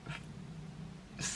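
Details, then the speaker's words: A low, drawn-out gurgling rumble with brief soft scratchy sounds at each end in a quiet small room; stomach rumbling (borborygmi) in a person who says they are hungry. "Can you hear my stomach rumbling? I'm hungry."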